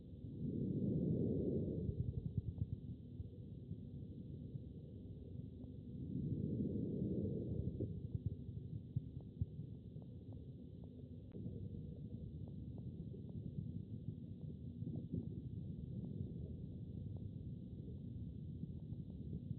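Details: Lung auscultation at left L3 or right R3 in pleural effusion: two faint, muffled breaths, then only low rumble and taps; decreased breath sounds.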